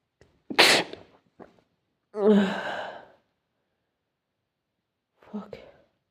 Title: Sneezing to much